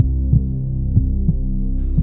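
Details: Low, dull heartbeat thumps over a steady droning hum with background music; heartbeat sound.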